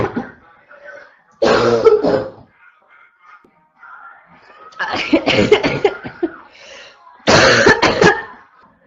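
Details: Three bouts of harsh, loud barking coughs, each a quick run of two to four coughs with quiet pauses between.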